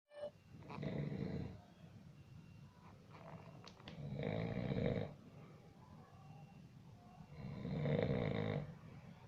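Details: Sleeping person snoring: three loud, rattling snores on the in-breath, each followed by a quieter hissing out-breath, about every four seconds.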